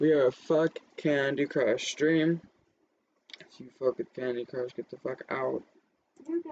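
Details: Adult male speaker; normal speech.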